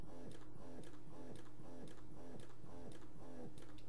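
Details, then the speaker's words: Lansinoh Affinity Pro double electric breast pump: fast rhythmic mechanical whirring pulses, about 160 a minute, in automatic two-minute stimulation mode mimicking baby latching, before switching itself to one of three cycling levels; electric breast pump motor cycling. "at two minutes you notice it switches to the cycle on its own you see there in the corner so you have three different levels of cycling"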